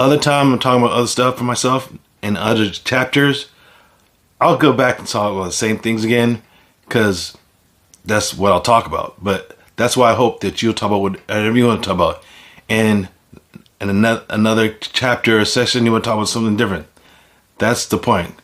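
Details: Adult man with aphasia after a stroke; speech shows word repetitions and some imprecise word choices; aphasia.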